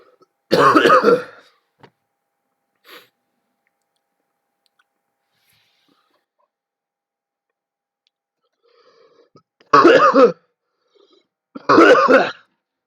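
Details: Three separate harsh coughs from an adult who says they feel a bit ill, with long quiet pauses between them.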